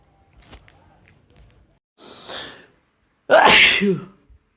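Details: Adult male sneezing, part of a series of random, induced and cold sneezes that grow progressively louder and stronger; a sharp inhaled build-up, then one loud explosive sneeze with a short voiced tail.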